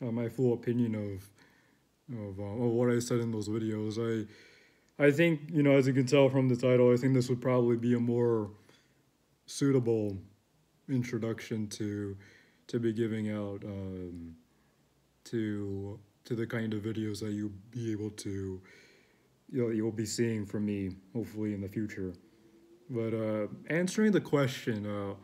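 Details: Adult male who reports that he stutters and struggles to find words; stuttering.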